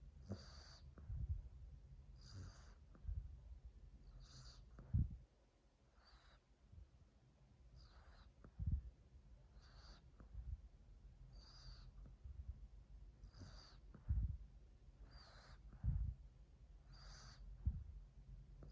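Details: French bulldog sleeping under a chair, loud snoring: repeated snorting snores with each breath, roughly every two seconds, over room hiss; noisy snoring through a narrow upper airway.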